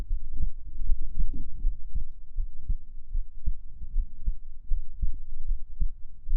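Soft, muffled low thumps repeat steadily, partly blurred by rumble; a normal heartbeat heard through the chest.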